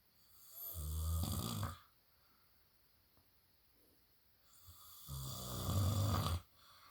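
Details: Husband snoring heavily in sleep: two loud, low, rattling snores on the in-breath with quiet pauses between; snoring.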